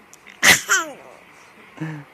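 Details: Father's sneeze, possibly feigned, that makes a baby laugh: a single loud, explosive sneeze followed by a brief voiced sound.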